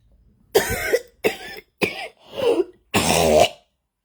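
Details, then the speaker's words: Adult's recurring early-morning cough, returned after a day of barely coughing: five harsh coughs in a quiet room, the last longest and loudest; the patient attributes it to electronic weapons. "okay it's not even 6 o00 yet but as you can hear the coughs have come back I woke up this morning coughing up"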